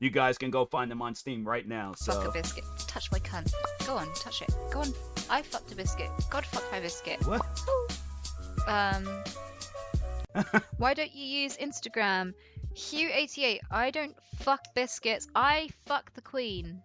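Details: Woman streamer with Tourette syndrome producing repeated involuntary vocal tics, including coprolalia and a recurring word tic: vocal tics with coprolalia (Tourette syndrome).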